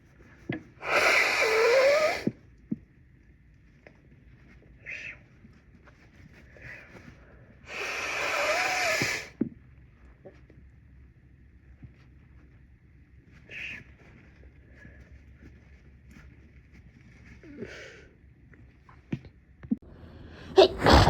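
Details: Congested person with a cold trying unsuccessfully to induce a sneeze: two long forceful nose blows, then several short snorts and sniffs, with a sharp final burst that may be a sneeze.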